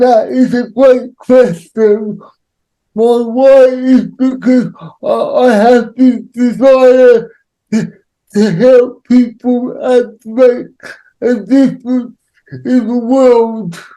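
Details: Adult man with cerebral palsy who says he cannot say some words; dysarthria (cerebral palsy).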